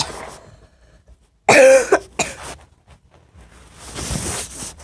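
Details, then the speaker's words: Child with a really bad cough and a failing voice: one loud, harsh cough followed by a shorter second cough, then breathing and faint talk. "Because my voice is going. I got really bad cough."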